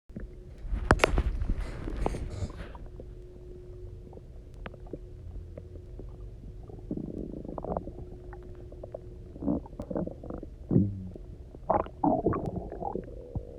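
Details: Person who had eaten almost nothing for 24 hours, then drank a lot of water and lay on their side: resonant, gurgling rumbles and bubbly squeaks over a quiet background; hunger borborygmi from an empty stomach, a normal finding.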